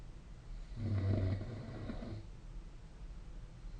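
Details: A single low, rumbling snore lasting about a second and a half over steady room noise, recorded during sleep: snoring.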